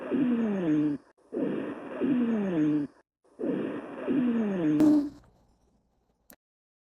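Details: Low-pitched snoring, rumbling breath sounds with continuous musical tones across repeated breaths, auscultated over the middle lung zone; rhonchi.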